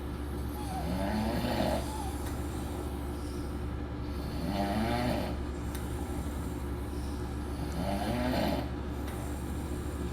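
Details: One of a group of men snoring during a week in Las Vegas: three loud, rattling snores about three seconds apart over a steady background rumble.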